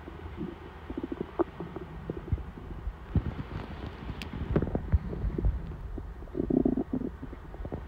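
Low gurgling and bubbling rumbles with short pops, a normal hungry stomach rumbling.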